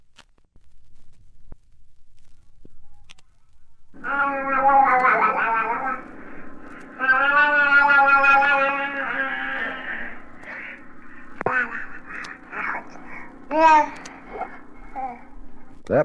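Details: A young infant babbles and coos in varied pitched bursts; normal infant vocal play, from a 1967 recording.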